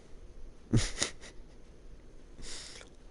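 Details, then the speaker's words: A pet dog asleep after chasing balloons all day, snoring: a rough, snorting inward breath, then a softer noisy outward breath; she also has a draining facial abscess from a sting. "my dog is snoring so loud here we go she's tired from chasing balloons all day that's what the noise is in the background yeah it's her she's asleep and snoring"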